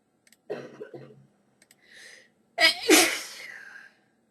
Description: has a sneezing fit and coughs as well